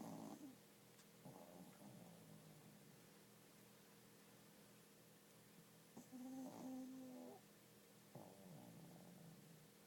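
Soft, low rattling snores recur every few seconds against steady room hum.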